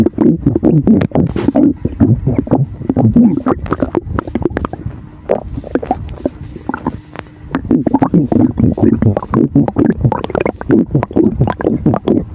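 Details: Loud, busy gurgling and rumbling from moving gas and fluid in the stomach after drinking a sour drink; ordinary stomach rumbling (borborygmi).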